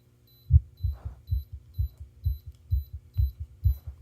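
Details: Regular low heart thumps, each with a softer second sound, about 125–130 beats a minute, recorded with an ECG and faint electronic monitor beeping: normal heart sounds, fast rate.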